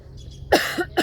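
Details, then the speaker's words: Adult woman who was ill while travelling and is still recovering: a single short cough, then a brief second burst, in a quiet room; cough. "excusez-moi pour ma toux et ma voix qui risque de dérailler à des petits moments mais j'ai été aussi malade en voyage"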